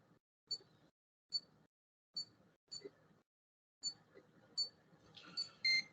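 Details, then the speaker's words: Short high-pitched electronic beeps repeating about every second over faint room noise as the wearer adjusts his insulin pump; insulin pump alert beeping. "Playing around with my insulin pump. Sorry. That's all right, man. It's beeping on."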